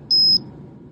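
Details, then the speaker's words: One short, high-pitched electronic beep as a Microdot Pro glucometer shuts off after control solution mode is switched off. "And now reactivate your test strip to confirm that is not requiring a control solution test and it will give you the blood diagram indicating that you it is off."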